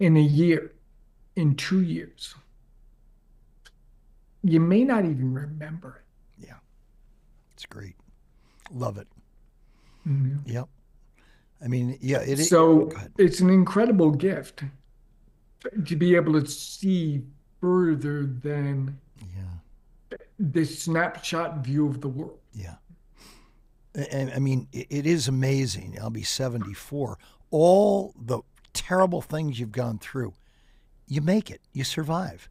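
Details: Adult man with ALS diagnosed four and a half years ago, advanced and nearing end stage: onset right calf, spreading through legs, core, arms and hands, now neck deep with difficulty speaking and breathing; speaks using a ventilator; dysarthria in amyotrophic lateral sclerosis.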